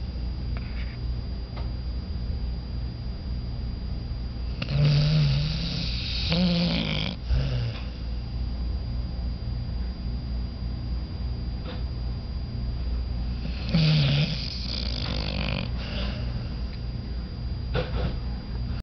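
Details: Pitbull guard dog snoring while asleep: two louder rumbling snores several seconds apart over steady low droning room noise.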